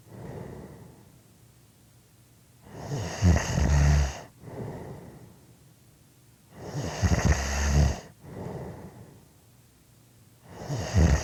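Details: Loud, rattling low snores on each in-breath with quieter out-breaths between, about 16 breaths a minute: regular heavy snoring.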